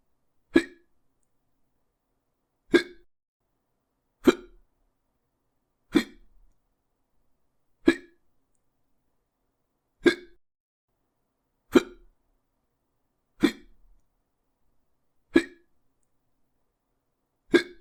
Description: Sound effect of hiccups.